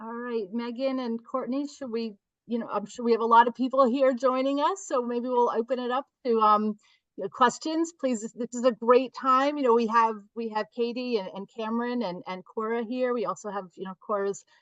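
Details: Adult woman speaking; ordinary speech.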